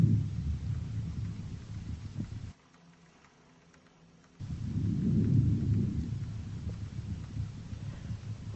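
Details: Lung auscultation over the back at symmetric points along the scapular lines (7th–9th intercostal spaces, right then left); normal vesicular breathing heard.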